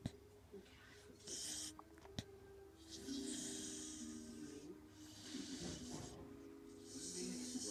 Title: My dog snoring sorry about the backround